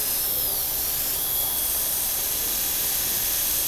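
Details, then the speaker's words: Dental handpiece during enamel microabrasion: steady high-pitched whine working 6.6% hydrochloric acid with silica or pumice abrasive paste on a patient's central incisors to remove brown stains from two hypocalcified spots. "So again, this is 6.6 hydrochloric acid. Not battery strength. I could be lying, I have no idea. And just some silica or pumice, some sort of abrasive."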